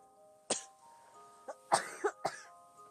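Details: A girl with asthma gives about five short, dry coughs in quick succession over soft background music; asthma cough.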